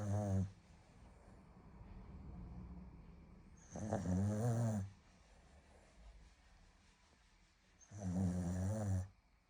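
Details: Lizzie snoring: low, buzzing snores on each breath in, about 14 a minute, with quiet breathing between; ordinary snoring.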